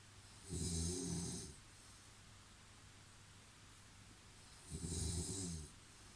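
Deep, rumbling snores on the in-breath, two in six seconds, separated by quiet out-breaths; ordinary snoring.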